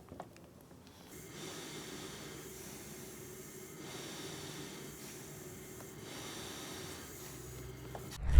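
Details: Steady low whooshing airflow with gentle swells in loudness from a running Fisher & Paykel nasal CPAP mask during a decibel-meter noise test; CPAP mask airflow noise.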